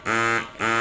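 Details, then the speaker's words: Two buzzing motor pulses about half a second apart from a Medela Freestyle Flex electric breast pump running in massage mode, detached from its attachment so the motor is heard clearly. "Okay, tanggalin ko muna siya para mas marinig yung motor. Yan yung motor. Okay, so yan yung tunog ng Medela Freestyle Flex."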